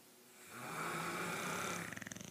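A single drawn-out, rough snoring breath that ends in a fluttering rattle. Ordinary snoring.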